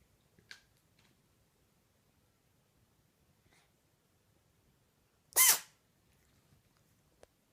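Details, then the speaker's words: One sharp, hissy sneeze from a kitten that has sneezed about 20 times in a row, with faint snuffles around it in a quiet room; owner suspects something is irritating its nose. "Seller's kitten, Pharaoh, cannot stop sneezing. He's already sneezed like 20 times in a row. I think something's probably just irritating his nose."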